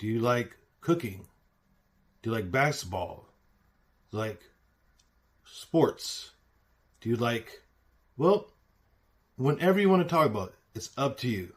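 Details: Man who reports having aphasia; aphasia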